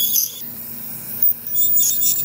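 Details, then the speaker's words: Ultrasonic dental scaler in use on an anesthetized dog with early-stage periodontal disease, removing tartar from the crowns above the gum line under cold water spray; a high-pitched hissing buzz with water spray, coming and going against the tooth. "is an ultrasonic scaler removing all of the tartar from the tooth I'm doing it above the gum line"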